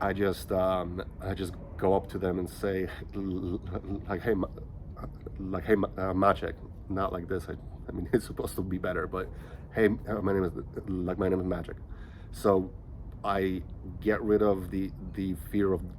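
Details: Stuttering in a 37-year-old man who has stuttered since age five; he says he is slightly more choppy here from nervousness.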